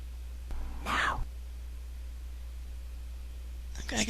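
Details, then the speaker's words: Two faint, breathy, slightly whistly breaths about three seconds apart over a steady low hum, said to be a sleeping female cat snoring softly; a listener doubts it sounds like snoring. "Okay, she's snoring. So I bet on. Did you hear it?"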